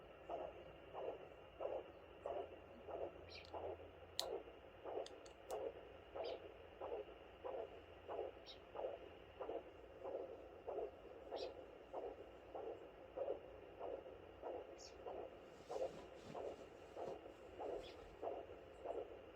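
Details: Maternal heartbeat picked up on fetal Doppler at 32 weeks of pregnancy (fourth baby): steady whooshing pulses at roughly 85–95 per minute.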